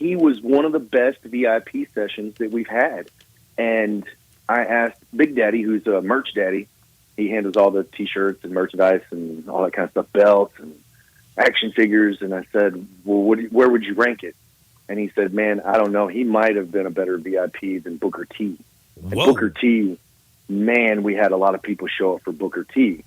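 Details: Adult male speaker; Normal adult speech.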